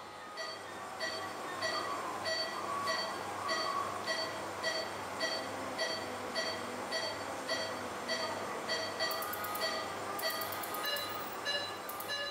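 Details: Phaco machine during horizontal chop cataract surgery on a mature white cataract, fragments being aspirated: rhythmic electronic tones about 100 a minute over a steady machine hum.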